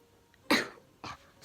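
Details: Person who says they are sick right now; two short, sharp coughs with no rattle or wet sound: dry cough.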